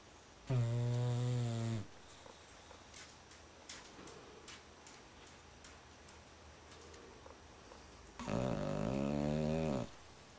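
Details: Two long, loud, rattling snores on breathing in, with quieter snuffling breaths between them: snoring in a sleeping female dog.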